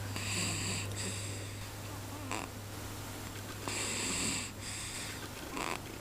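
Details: A napping man, recovering from a cold, snoring: soft wheezy, whistling snores with each breath over a steady background hum.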